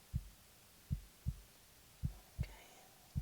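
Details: Simulated ASMR role-play night-nurse exam of a patient in bed, relaxed and breathing normally: stethoscope on the chest heard as soft, low, slightly uneven thumps near 53 per minute; normal heart sounds.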